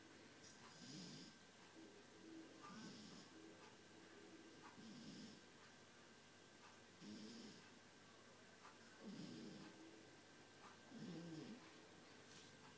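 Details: Sleeping 9-week-old Shar Pei puppy snoring: soft, regular snoring at about 30 breaths a minute, each breath with a light rattling snore.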